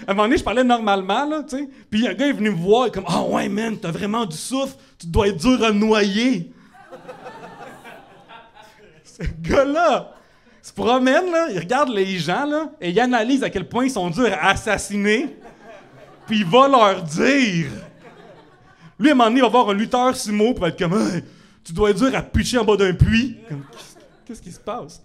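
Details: Adult French-speaking male comedian, real (not acted), diagnosed by a speech therapist with cluttering, a rare speech-rhythm disorder that makes words of four or more syllables difficult, and also told he stutters; finding: cluttering with stuttering.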